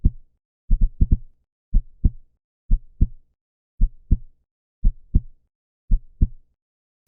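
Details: Human heartbeat sound-effect recording, described as 125 beats per minute, though it sounds like about 60 a minute; steady, paired, loud lub-dub thumps: normal heart sounds.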